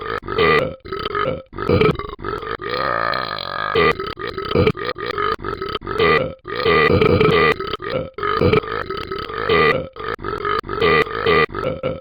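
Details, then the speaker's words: A person burping a lot: a long series of loud, deep, repeated burps, some drawn out, almost continuous over twelve seconds. "I'll get ready for tons of burps get ready for tons of burps"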